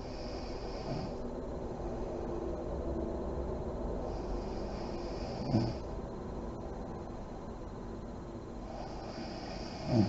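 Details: Sleeping mother in deep REM sleep, lights on: slow, deep breathing with soft snoring and puffs of air through the lips on exhalation, against steady room hiss; snoring.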